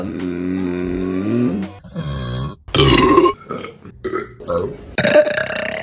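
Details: Female burping compilation: a run of loud, drawn-out voiced belches of varying pitch, one after another, with abrupt breaks between them.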